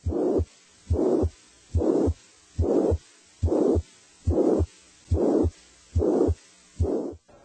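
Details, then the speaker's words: Plateau murmur with the same intensity throughout: regular heartbeat near 71 a minute with a steady, even-loudness murmur filling the space between heart sounds. "a plateau murmur has the same intensity"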